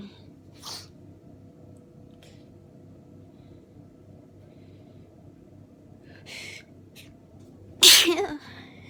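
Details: Soft breathy sniffs and a few faint sneezes over room hum, then one loud forceful sneeze, from a person with a common cold caught just before Christmas, lying bundled in bed, feeling tired and weak; a sneezing fit.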